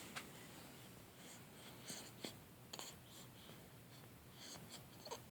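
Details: Two-week-old newborn with hiccups: small, sharp, repeated catches, several within a few seconds, in a quiet room; ordinary newborn hiccups, a normal finding.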